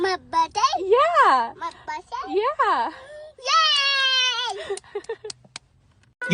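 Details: Young child crying: rising and falling wailing cries broken by short pauses and catches of breath.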